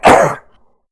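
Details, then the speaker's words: Adult speaker at the start of a podcast recording: a single loud, harsh cough burst lasting under half a second, then silence, prompting a restart of the recording; cough. "You have to restart this recording because you've coughed."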